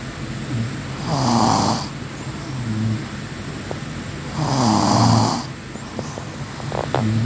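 Two loud, low, rumbling snores about four seconds apart, roughly 15 breaths a minute, with faint room noise between them.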